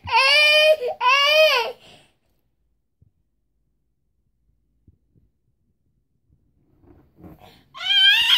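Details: Infant girl crying: two loud, clear wails, a quiet pause with faint fussing, then crying resumes; an ordinary infant cry.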